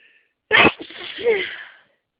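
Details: One forceful sneeze with a voiced, trailing release: allergic hay-fever sneezing from pollen, in the morning before the daily antihistamine was taken.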